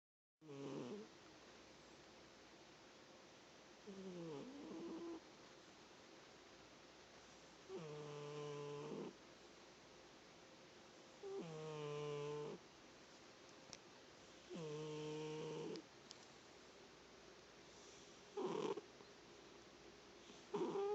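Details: Sleeping cat snoring: soft whistling, buzzy snores, about six breaths heard, roughly 18 a minute, in a quiet room.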